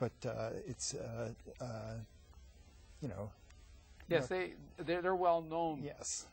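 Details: Aphasia in an adult man after a massive stroke at age 39, 15 years earlier; he reports a hole in his heart. He had eight years of speech therapy, twice a week, until he reached a plateau.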